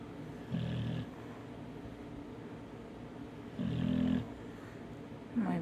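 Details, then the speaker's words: Pablo the dog snoring while asleep lying with his owner, out like a light, snoring said to make the bed shake; short rumbling snores about every three seconds over a steady low background. "head, snoring away, laying with his mama. Out like a light."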